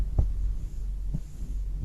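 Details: A mother's heartbeat, presented as the rhythm a baby hears in the womb: slow, steady low thumps at about 60 to 65 beats a minute over a soft hum.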